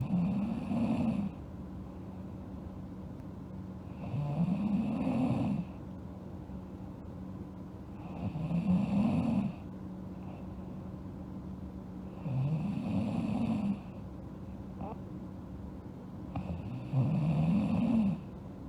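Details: Sleeping girl snoring: steady low rattling snores on each breath in, about 15 breaths a minute, quiet pauses between; regular snoring during sleep.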